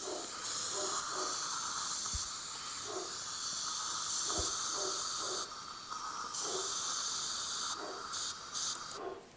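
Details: Ultrasonic scaler with a Mirro-Vac suction mirror on the molars of a dental cleaning patient: continuous high-pitched hiss and suction noise with faint intermittent tones; the mirror face holds suction holes.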